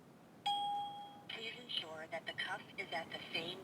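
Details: Talking wrist blood pressure monitor fitted on a woman's wrist: one steady electronic beep as the measurement starts, then quiet talking in a small room.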